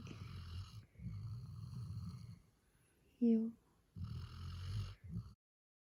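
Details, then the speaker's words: 8-month-old male black Labrador Retriever puppy asleep, snoring loudly: rough, rattling breath sounds in repeated long runs with a brief higher squeak between; snoring. "ど真ん中にさ、俺寝るスペース。しかもさ、いびきが出るしな。"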